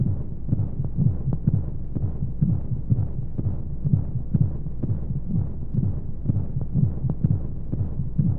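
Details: Womb-sound sleep aid for babies: steady muffled low thumps in pairs, about 125 a minute, over soft whooshing flowing noise, like sound heard inside the womb, with white noise; heartbeat.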